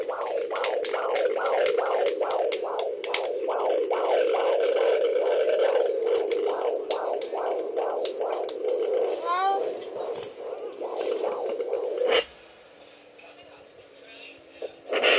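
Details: Fetus at 30 weeks: rapid, regular whooshing heartbeat on Doppler, about 140 a minute, then a probe scrape and quiet; fetal heartbeat.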